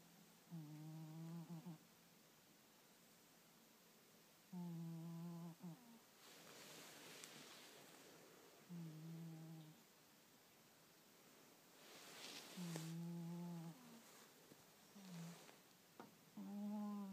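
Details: Sleeping cat: soft, low, buzzing snores at about 15 breaths a minute with quiet pauses between; snoring.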